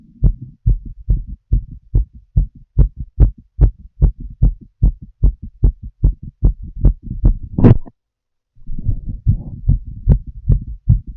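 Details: Adult female, heard through a stethoscope while smoking a cigarette: steady, fairly quick low heartbeat thumps, ordinary heart sounds, broken by a brief rubbing noise and a short pause.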